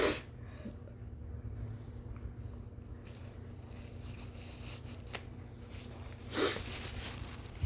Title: Induced sneezes w/at least 4 GIANT, and EXTREMELY POWERFUL and EXTREMELY WET, unexpected ones!😳😱💦💨🤧